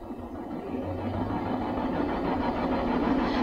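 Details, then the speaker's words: RespirTech InCourage high-frequency chest compression vest (ICS-1M-US) demonstrated on a technician wearing it, QuickStart mode: rapid, steady pulsing rumble of gentle, non-continuous compressions for airway mucus clearance. "gentle yet effective compressions allow for the subject to breathe deeply while wearing the vest unlike some that give a continuous compression"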